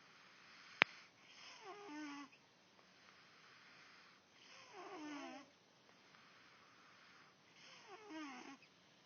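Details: Soft, regular snoring about every three seconds, each breath ending in a faint whistling squeak, in a quiet room.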